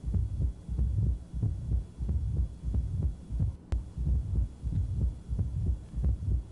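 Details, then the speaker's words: Opening snap of more severe mitral stenosis in a mildly tachycardic patient, heard inside the apex: regular beats ~92/min, diastolic murmur, soft early sound after S2, softened as calcified leaflets move less. "can tell this one's a little softer than the first one we listen to as patients age and as a disease gets worse the leaflets in the inflamed structures calcify so they move less the less they move the softer the opening snap gets"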